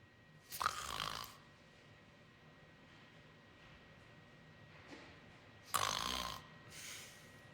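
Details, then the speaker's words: Loud, harsh snorting snores separated by a long silent breathing pause, presented as obstructive sleep apnoea syndrome (OSAS) snoring during sleep; obstructive sleep apnoea snoring. "在医学上，这种叫睡眠呼吸暂停综合症，简称 OSAS， 这是一种病。"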